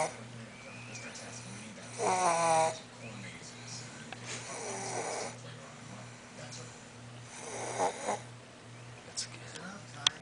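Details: Intermittent snoring breaths, one with a rough vibrating rattle, over a steady low room hum.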